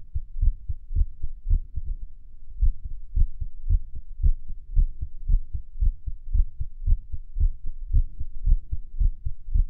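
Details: Irregular heartbeat recorded over Erb's point while lying on the stomach, listening to music; low, muffled heart thumps through a stethoscope with uneven spacing between some beats.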